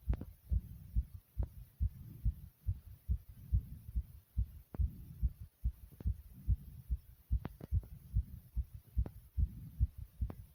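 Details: Person's own fast, strong heartbeat, regular at roughly 140 beats a minute, with heavy breathing underneath: tachycardia.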